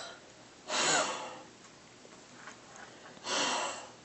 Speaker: If that doesn't work, you do what we call a silent cough. Do you know how horses kind of blow up and go? It's kind of like that. We call it a silent cough or an H sound. It's like no grinding here, just air.